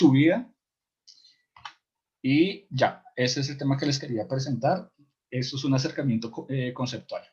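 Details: Adult man who stutters, in a support group for people who stutter; he describes complete blocks and considers it incurable but manageable with ongoing work; stuttering.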